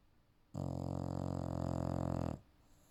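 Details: Female English Bulldog napping: a single long, loud, buzzing, rumbling snore.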